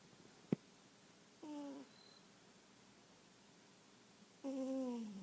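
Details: Sleeping cat snoring: two high, squeaky whistling nasal breath sounds about three seconds apart in a quiet room.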